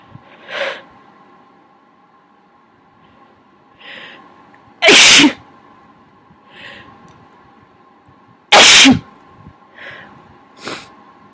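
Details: Two loud sneezes among softer nasal snorts and nose-blowing in a quiet room with a steady hum, from a person who says they are now sick; a sneezing and nose-blowing bout.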